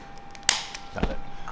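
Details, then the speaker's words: Single sharp click from a cat's hip during a chiropractic abduction release, after a fall from a refrigerator left it limping and in pain, followed by soft handling noise: audible joint click. "I did a abduction release on his uh hip and that's made a click"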